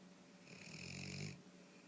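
A single rattling, rumbling breath lasting under a second, a clear snore from a sleeping dog.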